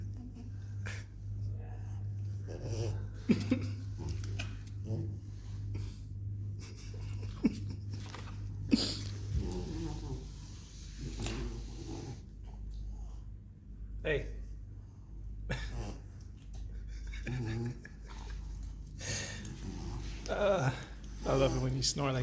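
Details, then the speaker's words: French bulldog snoring: irregular snorting, rattling breath noises, typical of noisy upper-airway breathing. "you snore like that, you know? That shit is. It's sad, but it sounds funny."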